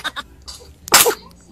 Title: Cute and Funny Baby Sneeze Bisaya Reaction